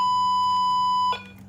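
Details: Primedic DefiMonitor EVO defibrillator on a simulator/tester, charging before a demonstration shock: a steady high-pitched electronic tone that cuts off abruptly, the charged, shock-ready alert.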